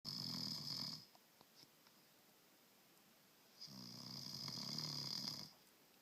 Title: Husband snoring